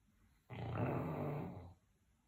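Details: A single deep, steady rumbling snore lasting just over a second from a sleeping dog; ordinary snoring.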